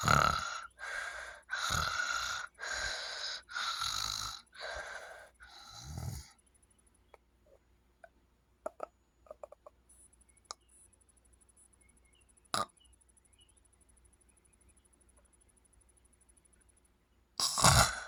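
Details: Loud, rough snoring in a subject with sleep apnea gives way to about eleven seconds of near silence, then breathing resumes with a sudden loud burst: obstructive sleep apnea.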